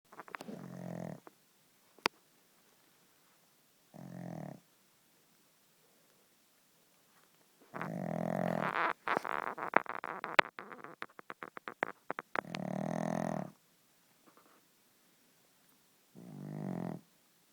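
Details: Pug snoring: repeated low, rattling snores separated by quiet pauses, with a burst of snorting and snuffling in the middle.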